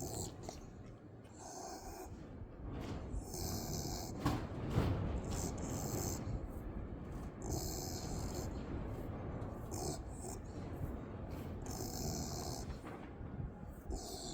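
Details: Sleeping dog snoring while being scratched, louder with longer scratches: continuous rumbling, snorting snores with breathy bursts, with rustling and scratching noise in the background.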